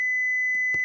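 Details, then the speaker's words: AED shock delivery tone from a Philips HeartStart FRx semi-automatic defibrillator in a demonstration: a steady high electronic tone sounding as the shock is given, after the prompts advising a shock and to press the flashing orange button. "Iskua suositellaan. Potilaaseen ei saa koskea. Paina vilkkuvaa oranssia painiketta nyt."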